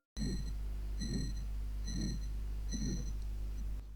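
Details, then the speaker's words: Harsh, rough, rasping systolic murmur of aortic stenosis at about 67 beats a minute, heard on auscultation. "à l'auscultation le médecin entendra un souffle systolique graâppeux rude et très"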